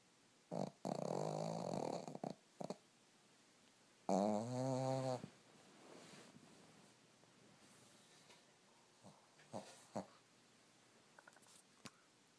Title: Snoring dog